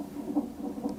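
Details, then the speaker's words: Fetal heart sounds on a nonstress test in late pregnancy, with induction pending after a failed catheter induction and the baby moving a lot during monitoring. "The nonstress test monitors the baby's heart rate. The higher the better."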